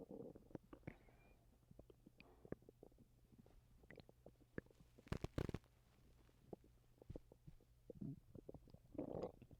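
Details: Low gurgling and rumbling with scattered clicks and pops from the belly; bowel sounds (borborygmi) in a person recently sick with vomiting.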